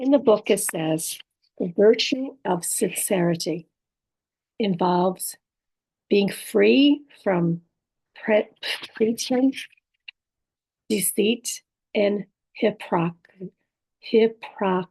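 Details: Adult woman with apraxia of speech, dysarthria and aphasia after a stroke; she says her speech can be hard to understand; apraxia of speech with dysarthria.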